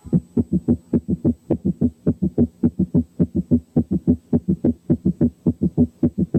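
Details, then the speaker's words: Gallop rhythm in left ventricular failure, heard at the apex with the stethoscope bell: a fast, regular heartbeat with an extra low sound in each cycle, giving a triple rhythm. "4 كان جالوب ريزم في حالة الليفت فنتريكولار فيلير."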